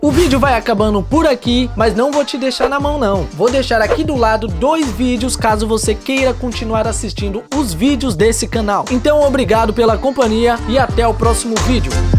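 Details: Adult speaker; no disorder.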